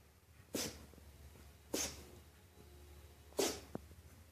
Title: funny sneezing puppy | candy 003